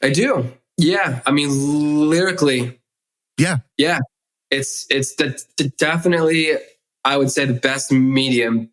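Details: Stuttering in an adult male who has stuttered since childhood, in spontaneous conversational speech.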